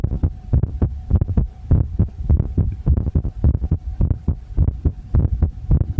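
Loud, muffled rhythmic thumping heartbeat, roughly 105 beats a minute, with a steady hum and some distortion.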